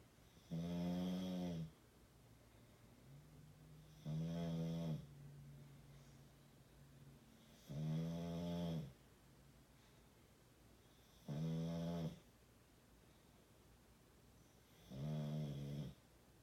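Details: Extreme snoring, loud enough to shake the body: loud, rumbling, voiced snores on each in-breath, about 17 a minute, with quiet pauses between; heavy snoring.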